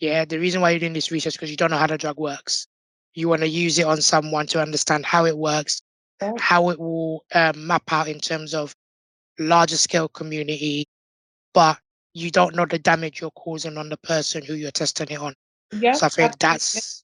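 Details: Tracheostomy voice in an adult man born six months premature with undeveloped airways. He had emergency surgery at birth, spent two years in an incubator and has lived with a tracheostomy tube; prematurity heavily impacted his vocal cords.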